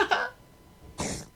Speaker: This is what a seal sneeze sounds like.